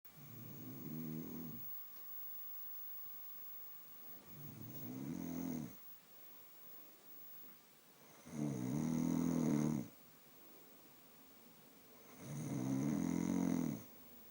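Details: Adult woman (a mother) sleeping in a quiet room: four rumbling snores on each breath in, about every four seconds, roughly 16 breaths a minute; steady snoring.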